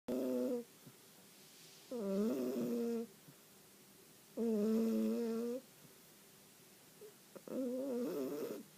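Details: Pet cat sleeping in a small quiet room: four loud, humming, wavering breath sounds with quiet gaps between them; snoring.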